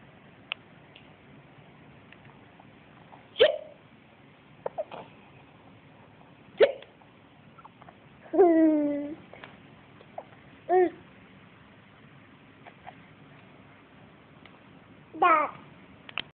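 About five sharp, brief voiced hiccups at irregular intervals over roughly sixteen seconds, with quiet in between.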